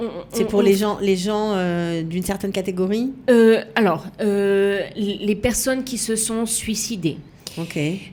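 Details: Adult woman speaking French; normal speech.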